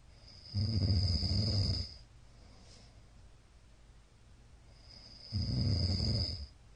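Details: Middle-aged man snoring in sleep: two loud, low, rattling snores on in-breaths about five seconds apart with quiet breathing between.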